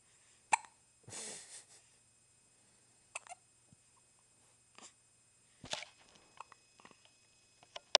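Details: Baby with hiccups: small, sharp infant hiccups recurring every one to two seconds, with soft breathy sounds between; typical infant hiccups.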